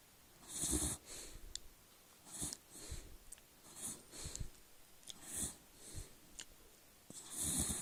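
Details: Dog sleeping on his back snoring lightly: soft, irregular snuffling breaths with faint snorts on inspiration, about a dozen cycles a minute.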